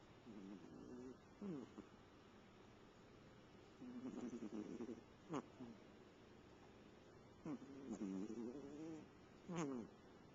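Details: Cat snoring while asleep, recorded with a Flip Video camcorder: soft rhythmic snoring with rattling breaths and brief squeaky snorts, about 15 breaths a minute.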